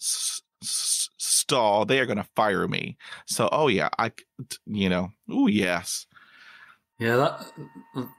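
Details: Stuttering in an adult man who still stutters.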